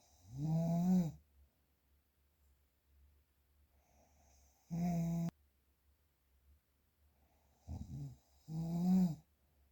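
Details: Loud, rattling snores with a fluttering tone, several seconds apart, with a short snort between; real unprocessed recording of adult snoring in sleep.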